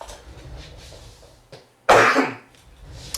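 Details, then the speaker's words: Single loud cough after a quiet stretch with faint room noise, from an adult who attributes it to his asthma. "Sorry. Excuse me. That's my asthma again. Hold on. Let me have a drink."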